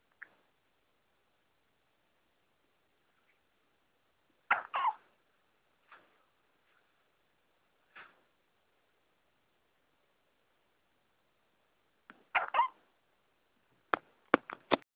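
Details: Person with hiccups: short, sharp hiccup sounds recurring at irregular gaps, about ten jerks, over a quiet background.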